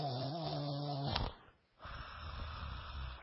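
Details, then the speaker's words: Adult imitating an elderly neighbour's snoring heard through the bedroom wall at night: a deep, rattling snore with a brief pause and some room noise; imitated snoring. "So, like, I go to lay down in the middle of the night, and I can hear the dude snoring. I hear this..."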